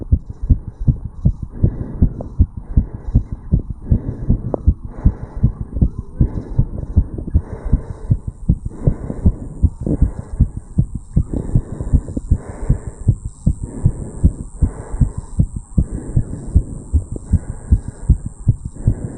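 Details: 35-year-old male's heart recorded at the tricuspid valve area after jogging uphill (second recording): fast, steady, strong heartbeat with loud thumps and some rubbing noise; heart racing after exercise.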